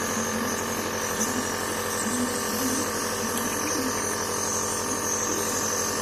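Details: Coughing dog being treated by nebulization: steady mechanical hum and hiss of a running nebulizer delivering mist, with faint room sounds; nebulizer running.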